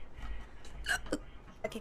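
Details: Korean livestreamer with hiccups, who says they hurt; two or three brief, abrupt voiced catches in quiet room noise; hiccups.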